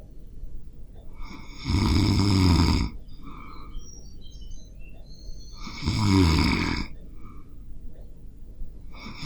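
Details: Self-recorded real snoring during sleep, captured on a Zoom H5 handheld recorder: loud, rough inspiratory snores about every four seconds, roughly 15 a minute, with quiet breathing between; typical snoring.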